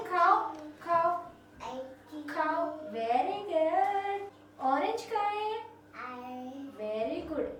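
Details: Speech of a young girl with nerve-related hearing loss who received a cochlear implant at 2 years 9 months, after one year of speech therapy, producing one- and two-word utterances that are not yet clear, apparently during a therapy session.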